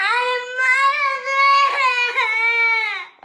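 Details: Pakistani baby: sustained, high-pitched, clear wailing cry with slight breaks in pitch; ordinary infant crying.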